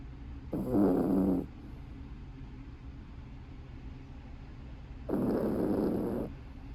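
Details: Snoring in a sleeping puppy: two long, rough, rattling snores about four seconds apart over quiet room noise.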